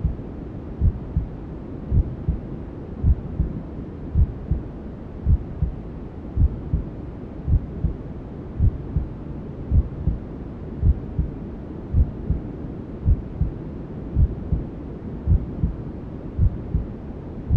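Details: Newborn sleep-aid ASMR: steady, regular low thumps, about 54 a minute, under constant white-noise hiss, a mother's heartbeat as heard from the womb; maternal heartbeat with white noise.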